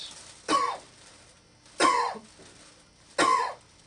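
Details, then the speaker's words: Adult patient supine during an abdominal physical exam performs three short, deliberate, evenly spaced voluntary coughs, a maneuver that can bring out a ventral or umbilical hernia. "also sometimes these cough maneuvers and lifting of the head can bring out a ventral or umbilical hernia"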